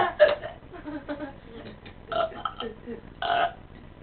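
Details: Deliberate burping contest ("burp-off"): a few loud, drawn-out voiced belches in quick succession, with laughter around them; intentional burping.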